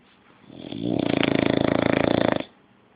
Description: 6 month old english bulldog snoring the day away